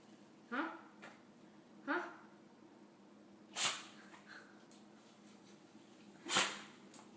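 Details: Dog that can't stop sneezing: four sharp nasal sneezes within about seven seconds, with quiet room noise between them; repeated sneezing.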